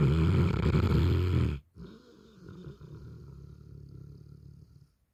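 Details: Dog asleep gives a loud, low rumbling snore that stops abruptly, then a quieter fluttering breath that fades out; snoring.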